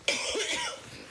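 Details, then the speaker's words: Girl coughing constantly while recording a talk; a single harsh, throaty cough with a rasping tail in a small room. "because I just coughing the whole way for it let me come back to you I'm gonna try and do it again tomorrow I've kind of explain what's going on and I just keep coughing constantly keep doing that on the camera"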